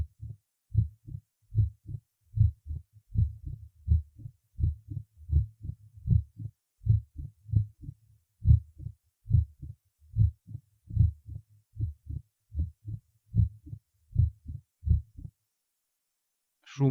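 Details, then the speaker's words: Mitral opening snap at the apex in organic mitral stenosis: a short extra snap right after the second sound as sclerosed, fused leaflets open, giving a three-part rhythm at about 75 per minute. "возникающие в самом начале диастолы сразу после второго тона когда открываются склерозирование и спаяны друг с другом створки митрального клапана что создает характерную картину трехчлен новый ритм и сердца"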